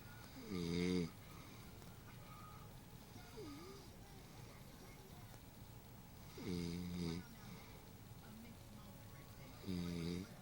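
Three loud, rough snores on the in-breath, several seconds apart, over steady room hiss; ordinary sleep snoring.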